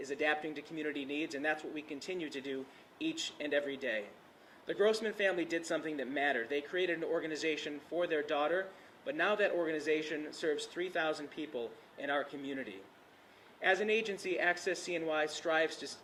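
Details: Adult man; normal speech.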